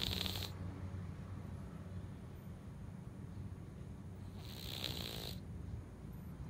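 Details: Loud snoring from a sleeping cat.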